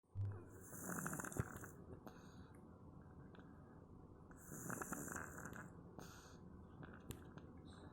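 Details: Sleeping cat snoring loudly: two slow, rough, rattling breaths with hissy outbreaths.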